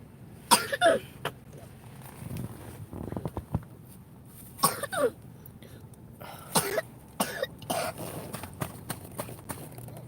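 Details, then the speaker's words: Wet productive cough from a person with a cold and cough for a couple of days, told to stop swallowing the phlegm. "come on see stop trying to swallow that stuff okay"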